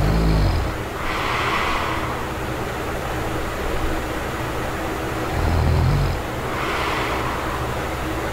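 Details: Obstructive sleep apnea in an adult sleeping without an anti-snoring device: low snoring rumbles alternate with loud, effortful deep breaths from struggling to bring in enough air.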